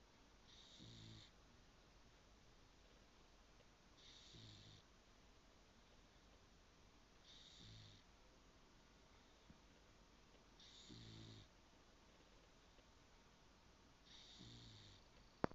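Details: Snoring from a sleeping male ("this boy"), described as snoring like a human: soft, regular snores about every three and a half seconds, roughly 17 a minute, in a quiet room.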